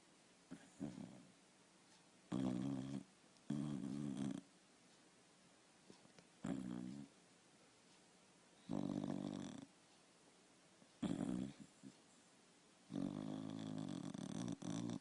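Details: Loud, funny snoring from a sleeping dog: rough, buzzing breath sounds in irregular bursts, about six to seven over fifteen seconds.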